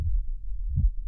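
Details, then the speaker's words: Slow, deep, low heart thumps from a brown Guernsey cow; normal slow heartbeat of a large animal with a very large heart. "Okay, here's another slow heartbeat. So when we hear slow heartbeats, we think of very, very large animals."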